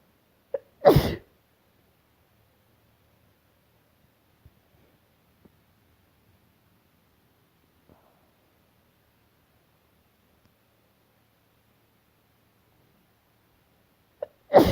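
Two sharp, explosive sneezes, each with a brief quick intake before it, at the start and end of a quiet stretch.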